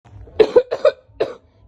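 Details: Adult woman (an aunt) coughing while a young child rushes to bring her water.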